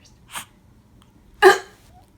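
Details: Kitten, just reunited with its mother cat, that can't stop sneezing: two small, sharp sneezes about a second apart, the second louder.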